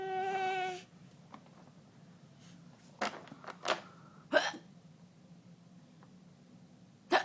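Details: A brief voiced sound, then several short, abrupt hiccups at irregular intervals in a quiet room.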